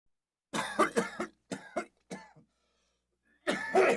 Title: Cough - sfx | DEEPER THAN SOUND EFFECTS